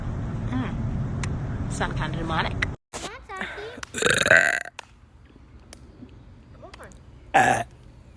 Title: random woman burping compilation 4